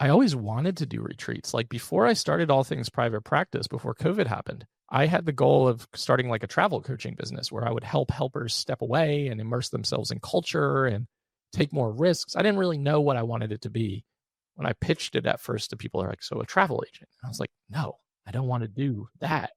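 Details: Adult male with one vocal cord paralysed by open throat surgery for a rare chronic recurring throat condition, after endoscopic surgery in 2021 and recurrence within 4 months; voice improved but still vocal fry, tires daily; finding: unilateral vocal cord paralysis.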